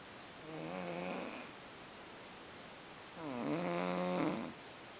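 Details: Snoring after a long day in Boiçucanga: two long, rattling, buzzy snores a few seconds apart against quiet room noise.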